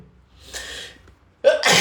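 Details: Adult male sneezing, part of a series of random, induced and cold sneezes that grow progressively louder and stronger; a drawn-in breath, a pause, then a sudden forceful burst of air, a single sneeze.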